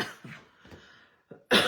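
A run of short, throaty coughs and throat clearing from an adult, ending in one louder, sharper cough; ordinary throat-clearing cough.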